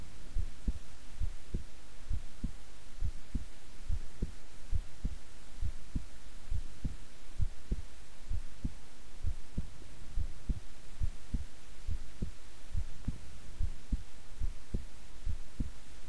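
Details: Long recording of own relaxed, resting heart sounds: steady, regular lub-dub heartbeats at about 70 a minute with a soft low hum behind; normal heart sounds.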